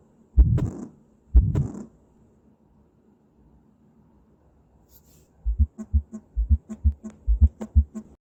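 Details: Heart sounds: two loud scraping bumps, a pause, then a run of soft, low, paired heartbeat thumps.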